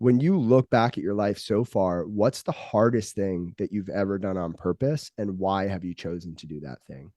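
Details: Adult male speaker; typical speech.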